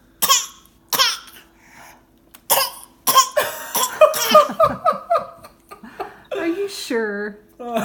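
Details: Young child gives several short, forced coughs mixed with laughter and chatter, pretending to cough: voluntary (pretend) cough.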